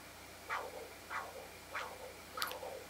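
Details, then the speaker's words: Pulsed wave Doppler blood flow signal on a GE Logiq e portable ultrasound, angle-corrected, with auto calculations of peak systolic and end diastolic: rhythmic whooshing pulses over a steady hiss, about 95 a minute. "I'll go back to B mode let my MD cursor get my angle now I'll go into pulse wave Doppler"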